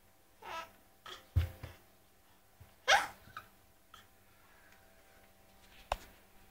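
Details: Several short, abrupt bursts at irregular intervals in a quiet room; someone with hiccups.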